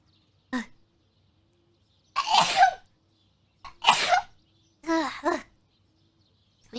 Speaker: hold on i have to sneeze